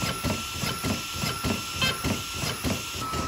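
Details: Corpuls CPR device delivering continuous mechanical chest compressions after the compression arm is positioned and locked: steady rhythmic mechanical thumps with hiss at about 100 a minute.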